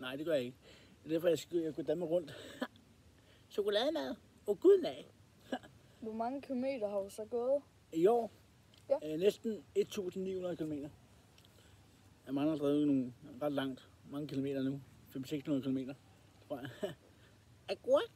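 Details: Danish-speaking male with Tourette syndrome, which he describes as a fault in the head that stops him controlling what he says or his movements; involuntary vocal tics interrupt his speech; vocal tics (Tourette syndrome).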